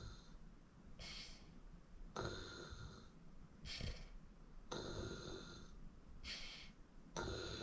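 Irregular snores alternating with hissy, snorting breaths, about 24 sounds a minute, over low room noise; snoring in sleep.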